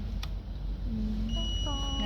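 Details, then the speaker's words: Biphasic defibrillator being switched on by turning the selector from off, not connected to a patient, with an ECG simulator available: steady electronic power-on tones over low room hum. "ini tombol on off-nya di sini ada tulisannya ini off ya habis itu kalau kita ingin menyalakan tinggal diarahkan anak panahnya ke"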